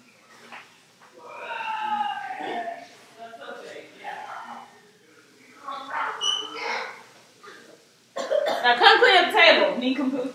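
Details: Loud, harsh, sputtering run of coughs right after inhaling ground cinnamon in the cinnamon challenge, preceded by brief voiced sounds: cough.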